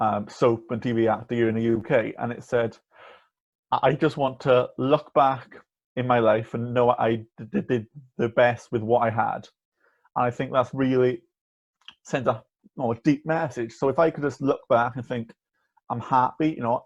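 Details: Stuttering (stammering) with blocks on words in a young man, about 18–19, who has stammered since childhood and uses a speech-course breathing technique and voluntary stuttering.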